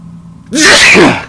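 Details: One loud, forceful sneeze after a brief voiced lead-in, from an adult male; sneezing.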